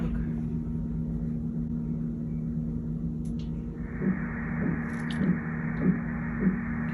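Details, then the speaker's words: Early fetal heartbeat at about 5 weeks 5 days gestation, heard on ultrasound Doppler: a steady hum, then faint regular whooshing pulses at about 104 beats per minute, expected to rise into the higher hundreds. "see that's going to be 104 beads per minute okay okay it's going to be ranging in the hundreds and then it'll get to the high hundreds as well"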